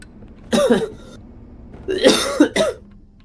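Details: Three harsh, throaty, rough wet-sounding coughs, one alone then a close pair, in a quiet room during a recorded gaming session; coughing fit.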